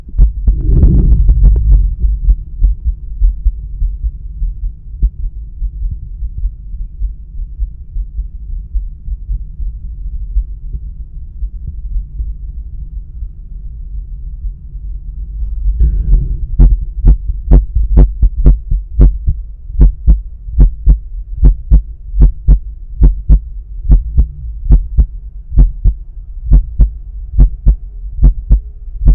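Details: Self-recorded stethoscope at the pulmonic area during breath holds with a visible carotid pulse: a low rumbling, then steady regular heartbeat thumps at about 72 per minute, normal heart sounds.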